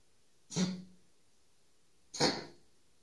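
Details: Two short, harsh cough bursts about 1.5 s apart from a red tabby tomcat coughing for over a minute in a quiet room; owner wonders whether hairball or feline asthma attack; cough.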